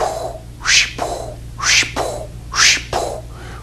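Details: During cardiac physical diagnosis teaching with the Harvey manikin, a voice imitates three heart cycles: a sharp hiss, then a softer blowing sound that fades away, mimicking the diastolic decrescendo murmur of aortic regurgitation.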